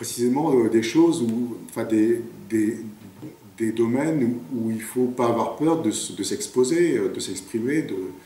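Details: Stuttering in a 58-year-old man who has stuttered since about age 4, very emotional and shy, with speech blocks; stuttering.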